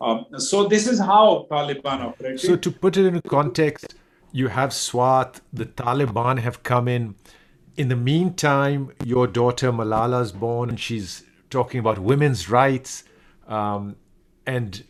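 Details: Adult man speaking; normal speech.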